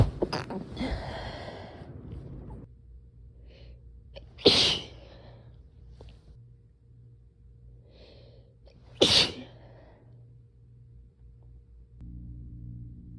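Two sharp, explosive sneezes about five seconds apart, each after a short intake of breath, in a quiet room.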